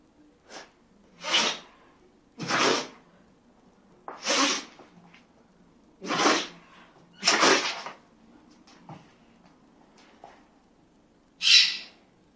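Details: A Patterdale terrier has a sneezing fit: about seven sharp, breathy nasal bursts in twelve seconds in a quiet room.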